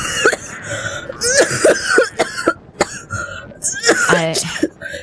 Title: Laughing SO HARD That She Starts Coughing Because Of Kaela's Vlogger Pronunciation!